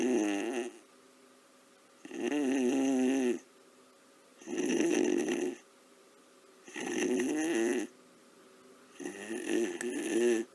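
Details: Cartoon character snoring at night, sped-up: loud, rhythmic, exaggerated rumbling snores about 24 per minute with quiet gaps between them.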